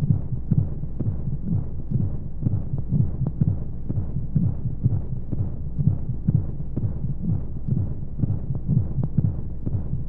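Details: Womb-sound sleep aid for babies: steady muffled low heartbeat thumps, about 125 a minute, under a soft rushing white-noise hum of flowing sounds, a womb-like heartbeat.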